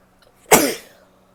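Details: One explosive sneeze from a female, a sudden burst of air that fades quickly in a quiet room, after a delayed nasal itch.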